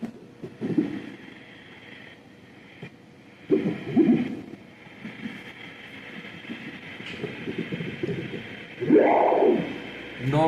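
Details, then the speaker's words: Right leg venous Doppler, 45-year-old man with right leg pain and swelling, great saphenous vein at junction with common femoral vein: soft low venous flow with louder surges on leg squeeze, competent valve, no reversal; normal augmentation, no reflux. "Showing normal flow on squeezing the leg no reverse no reverse flow seen no flow reverse scene"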